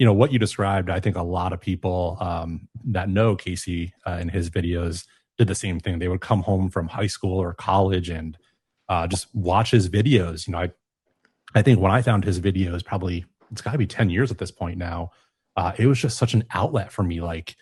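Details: Adult man speaking; typical speech.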